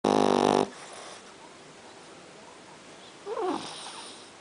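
A short, loud snorting snore from a dog, followed by quiet breathing and a softer whistling breath.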